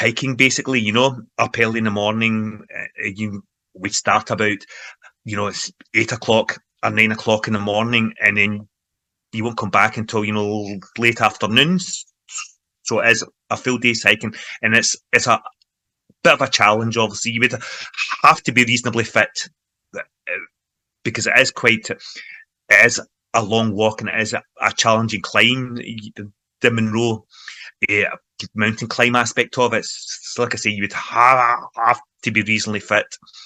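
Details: Adult man who stammers, involved in the stammering self-help movement for over 25 years, in everyday conversational speech; stuttering (stammering).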